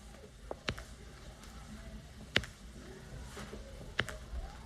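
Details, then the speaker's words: Knee bending and straightening: several sharp scattered cracks, painless popping from normal joint pressure changes; normal knee crepitus, not arthritis. "이렇게 할 때 나는 소리예요. 네, 이 소리는 제 무릎 소리입니다. 네, 뚝뚝 그러잖아요."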